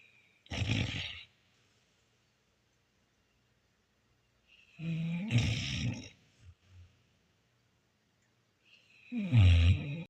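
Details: Old female dog snoring during a daily nap: three loud, deep rumbling snores roughly four seconds apart, about 15 breaths a minute, with quiet between.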